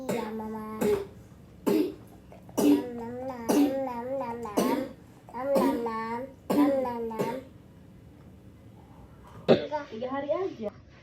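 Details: Young child coughing: about eight separate coughs, each a sharp burst running into a strongly voiced tail, with quiet room gaps between them; a voiced cough.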